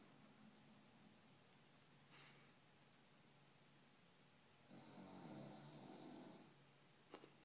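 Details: Quiet room hum, then one soft rumbling snore lasting under two seconds, with a faint snort near the end; snoring.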